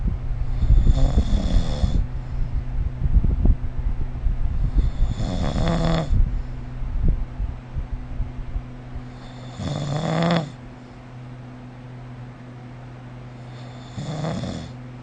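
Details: Snoring recorded with the SnoreLab phone app: rough, rattling snores with each breath in, about every four to five seconds (roughly 13 a minute), over a steady low room hum.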